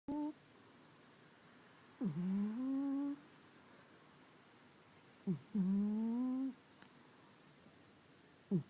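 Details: Burmese cat snoring rather loudly while asleep, until the owner disturbs him.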